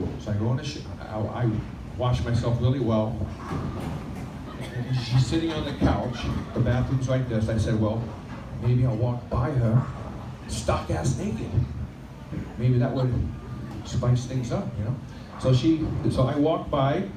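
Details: Adult male stand-up comedian performing live, stuttering since childhood despite 15 years of speech therapy; he says it is milder on a microphone and worse when nervous or with one person, hardest on vowel-initial words like 'I': stuttering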